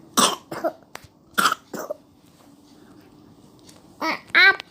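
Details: Young child with a cough gives four short, harsh coughs in two pairs, then a brief voiced sound, over faint room hum while coloring; plain cough.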